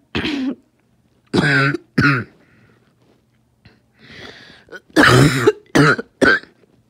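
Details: Adult with asthma in a choking coughing fit: run of about six harsh, throaty coughs with a noisy gasping breath between; asthmatic coughing fit.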